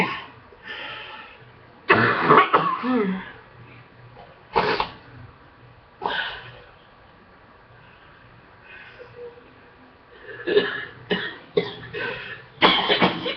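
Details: Several loud, rough adult coughs, some in short runs, with throat clearing and quiet breathing between, from someone sick for two weeks whose cough is improving on a second round of antibiotics.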